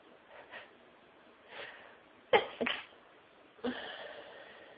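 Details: A sneezing fit at work, recorded somewhere quiet: soft inward breaths build to two sharp sneezes in quick succession, then a third trailing off: sneezing.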